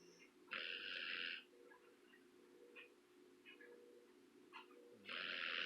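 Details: Two loud, raspy, hissing snores a few seconds apart with quieter breathing between them, from a snoring pair: snoring.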